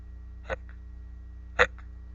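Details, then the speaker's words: Simulated hiccups voiced by a narrator reading a Halloween picture book aloud: two short, abrupt "hick" throat catches about a second apart over a steady low hum. "It was a dark and spooky Halloween night when we first heard the unusual noise. Hick, hick, hick."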